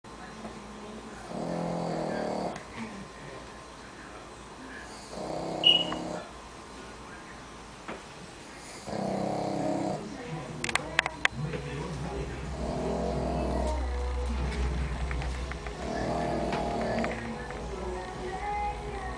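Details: Snoring from a sleeping pug: rhythmic rattling snores, about five cycles, with faint room noise.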